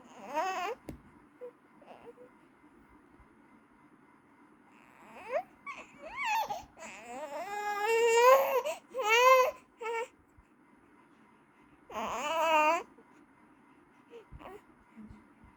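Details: A little baby cries in high-pitched wails and whimpers broken by quiet pauses, in a small room; infant crying.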